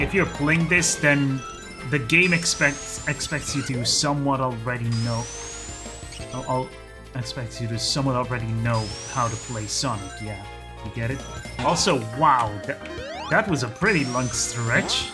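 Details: Adult man who calls his own speech a 'stuttery mess'; repetitions of words and phrases; stuttering.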